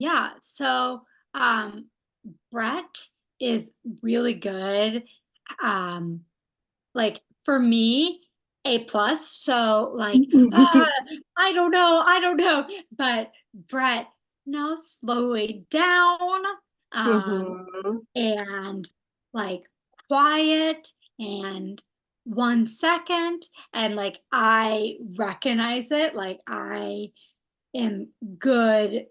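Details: Aphasia in a young woman after a stroke at age 27; she is a stroke research study participant in an intensive therapy program.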